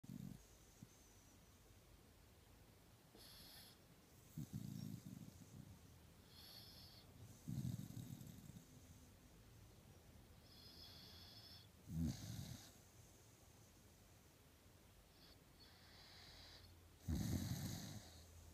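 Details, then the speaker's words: Soft, low snoring breaths with quiet snuffling between them from a dog sleeping in the morning: ordinary snoring. "I've just shown you Aussie snoring his little head off"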